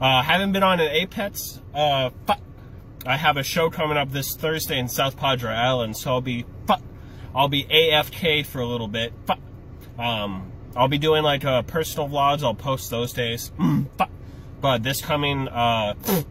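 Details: Tourette syndrome in an adult stand-up comedian; vocal tics (Tourette syndrome).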